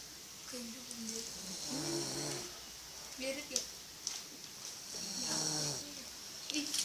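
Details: Snoring while exhausted, recorded close up: repeated rough, fluttering snores with each breath, pitched like a low drone, over steady room hiss; ordinary snoring.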